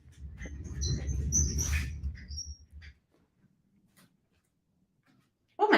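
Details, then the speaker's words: A low, rumbling gurgle for about three seconds, then quiet, from a woman who says she is hungry after a light dinner of popcorn and candy; ordinary hunger-related stomach growling (borborygmi). "y'all hear that? hungry. I had girl dinner last night."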